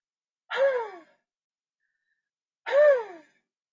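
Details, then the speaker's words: Huff cough demonstrated for airway clearance, seated upright with hands on knees: breath in, then two forceful open-throat breathy exhalations without closing the glottis, lacking a cough's sharp burst. "So if you can put your hands on your knees, take your breath in, and then you would huff like that, so that you're not coughing, you're just moving air in a faster motion without closing down the glottis."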